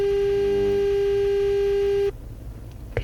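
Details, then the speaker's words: Pure-tone hearing test in a comedy sketch: a steady 400 Hz test tone lasting about two seconds, then it stops; simulated audiometry. "um yes so this is 300 htz could you hear that okay perfect now moving on to 400"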